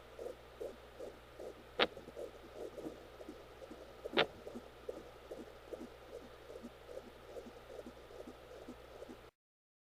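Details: Fetal hiccups recorded with a home Doppler during labor in a twin pregnancy (twin girls): rapid whooshing fetal heartbeat interrupted by two sharp, distinct thumps about two seconds apart.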